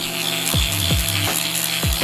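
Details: Steady mechanical whirring hum with rhythmic sliding strokes from a power-assisted liposuction cannula working under the pectoral muscle in a 24-year-old man's gynecomastia surgery under local anesthesia; music in background.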